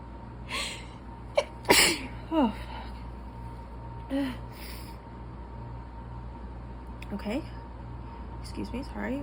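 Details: Several sneezes in a row with gasping in-breaths between over a steady low hum, from a person reading aloud during an allergy attack; repeated allergic sneezing.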